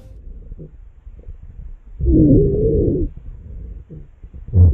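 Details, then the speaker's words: Simulated chest auscultation, 12-year-old boy with asthma diagnosed three years ago, respiratory difficulty for one hour, suspected asthma exacerbation: wheezing, high-pitched musical continuous sounds mostly over expiration from narrowed airways. "specifically we heard wheezing these are high pitched musically continues sounds that are mostly hurt over expiration because that's the moment with the air pass through narrower airways just like the way a whistle makes music"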